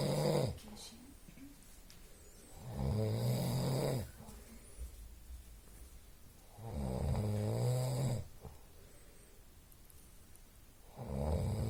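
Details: Deep rattling snores on each in-breath, about 16 breaths a minute, with quieter out-breaths between them; snoring.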